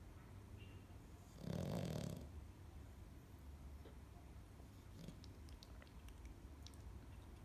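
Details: Sleeping dog: a single snorting snore, then quiet breathing with faint room noise; snoring.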